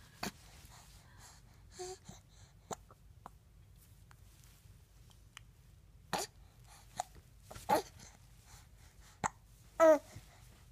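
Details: Hiccups: brief sharp catches of breath at irregular intervals, some with a short voiced squeak, in a quiet room.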